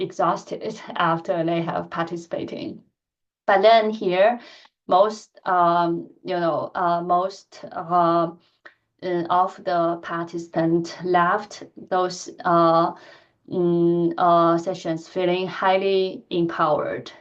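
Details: Adult woman who stutters, speaking in a lecture; she says her stuttering pattern varies greatly with listener and situation; stuttering.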